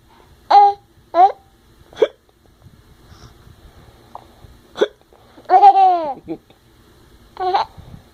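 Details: Parent and son in a hiccup battle: repeated short, abrupt voiced hics with quiet gaps and some laughter; hiccups.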